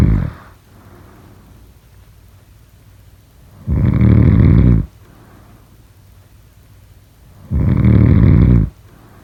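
Loud, low, rattling snores on the in-breath, about one every four seconds, with quiet breathing out between them. Ordinary snoring.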